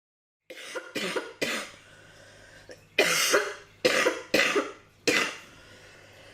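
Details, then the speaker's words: Adult woman with asthma, not covid-19, during the covid-19 pandemic: a fit of about seven harsh coughs in quick succession; asthma coughing spell. "i am someone who has um trouble with my lungs that there's nothing quite like a pandemic where the virus manifests as a cough to really make me hyper aware of my breathing"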